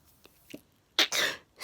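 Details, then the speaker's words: A habitual sneezer, sneezing again just before bed while putting things away: two quick sniffing in-breaths, then a sharp explosive sneeze with a trailing hiss; a single sneeze. "just before bed i would start sneezing again uh i'd nearly nearly finished putting everything away i was just about to turn the lights off to go to bed"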